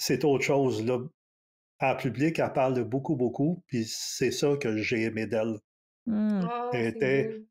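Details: Stuttering in an adult man in his thirties, a French speaker, real speech.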